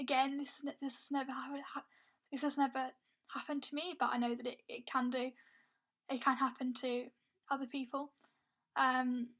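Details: Stuttering (stammering) in a woman who is also blind; she describes her stammer as struggling to speak, with blocks where no air gets through and words taking a long time to come out.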